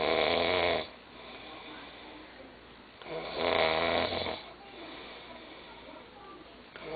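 Loud, coarse, rumbling snores on each breath in, about every three seconds, with quiet breathing out between; ordinary heavy snoring.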